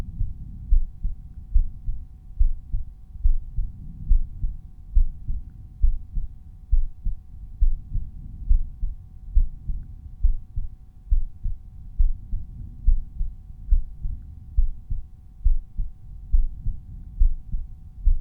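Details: Regular lub-dub resting heartbeat at about 70 beats a minute over the aortic area, with the volume normalized for this point; normal heart sounds.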